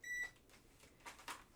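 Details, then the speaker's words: Nursing student's simulated medication check before an intermittent IV infusion via an infusion pump: a single short high-pitched electronic beep as the patient's bracelet barcode is scanned, then faint handling sounds. "Can you confirm again your date of birth and your name? I am scanning your bracelet, scanning"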